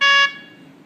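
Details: A single short, clear electronic beep that fades out; an SK-500I syringe pump's tone confirming calibration for a 15 mL syringe completed correctly.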